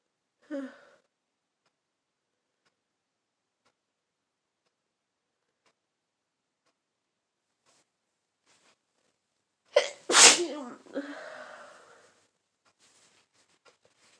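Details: Adult with a full-blown cold sneezing: a short sharp intake, then one forceful sneeze with a trailing breathy exhale.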